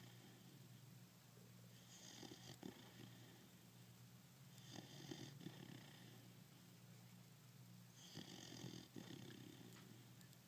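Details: Snoring in a sleeping 5-month-old pitbull dog: three rumbling, snorting snores with a rattling quality, roughly one every three seconds over a low background hum.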